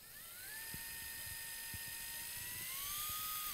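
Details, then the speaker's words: Powered wire driver placing a joystick K-wire angled toward the second metatarsal during first TMT (Lapidus) fusion in a female patient with large IM angle and hypermobility: steady high-pitched motor whine rising slightly in pitch. "I'll usually take the joystick K-wire as well. I try to position this so that it's angled towards the second metatarsal."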